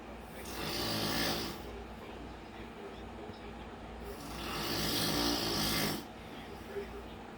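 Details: Loud snoring: two slow, raspy snoring breaths about four seconds apart over a steady background hum.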